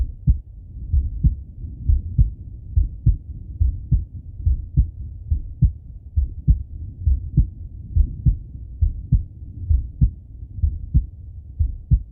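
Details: Male heartbeat and breathing auscultated through stethoscope: regular low lub-dub at about 68 a minute with soft breath noise underneath; normal heart sounds with breathing.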